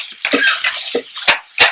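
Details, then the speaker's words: A few short, dry coughs over loud frying sizzle, an irritant reflex cough from pungent fumes while stir-frying. "You can hear that I'm already coughing. It's a very pungent smell."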